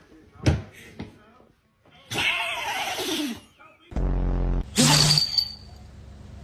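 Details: Dog sneezing: a few sharp nasal bursts with snorting and a short whine; room noise.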